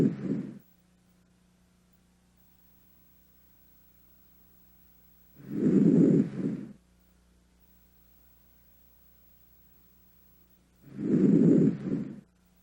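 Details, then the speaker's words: Healthy patient, thorax auscultated with stethoscope during thorax exam; soft, unhurried breaths about 11 a minute with no added sounds; normal breath sounds. "listen to the duration pitch and intensity of the inspiratory and expiratory sounds decide what type of breath sounds you're hearing and note any added sounds"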